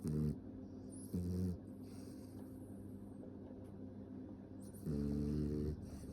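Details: Small dog asleep, ordinary snoring: low rumbling snores with a buzzing, fluttering quality, three in about six seconds.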